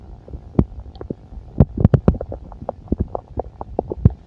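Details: Bowel sounds from a full stomach: rapid gurgling pops and low rumbles, active bowel sounds.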